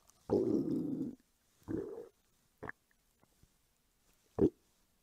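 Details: Several gurgling, rumbling bursts of varying length with quiet gaps from a hungry woman's belly, recorded as ASMR: normal hunger-related borborygmi.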